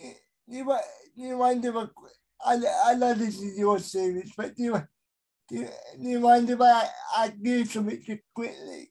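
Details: Adult male with a severe type of cerebral palsy; dysarthria in cerebral palsy.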